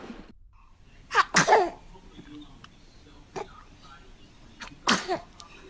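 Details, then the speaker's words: Several small, sharp sneeze bursts from a baby, from a baby-sneezing compilation, with adults murmuring quietly in the background: sneezing. "Why are you crying? You sneezed right in my mouth. That was cute."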